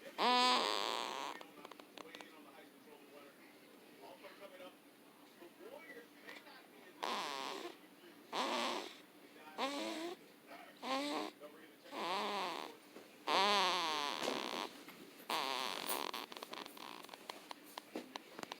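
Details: Humming, buzzy snores from a sleeping female, with soft clicks and breathing between them; snoring with a voiced, humming quality.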